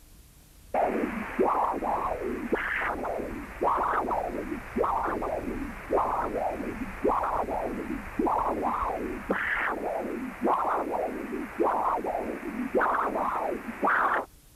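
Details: Hepatic vein systolic flow reversal (severe tricuspid regurgitation).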